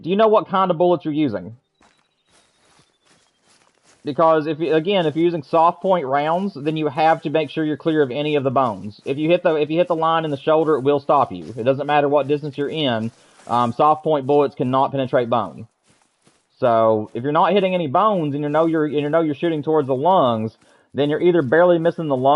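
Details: Adult male streamer with self-described stuttering and rapid speech; he attributes it to talking faster than he can think, forcing split-second rethinking; audible repetitions; stuttering.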